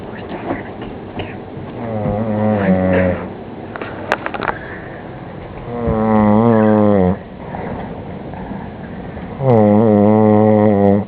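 Three loud, buzzing, tonal snores, spaced several seconds apart, about 16 breaths a minute, with quieter breathing noise between them.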